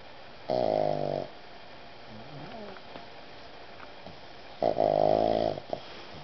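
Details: A Boston Terrier snoring while cuddled up asleep on a puffy vest.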